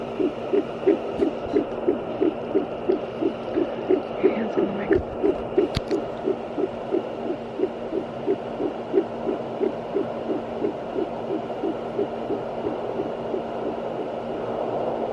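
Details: Fetal heartbeat on fetal Doppler, probe held still until the signal faded as the baby moved: rapid regular whooshing pulses about 150 per minute over steady hum.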